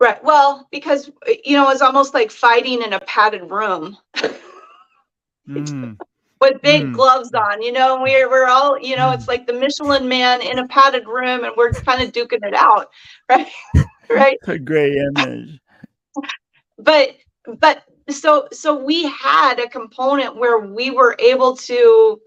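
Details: Adult speaker in conversation; normal speech.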